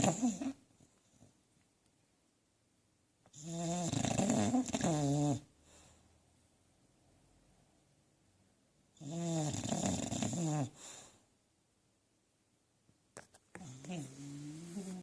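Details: Snoring: loud, rough snores with long quiet pauses between them, about three in fifteen seconds, in a quiet room.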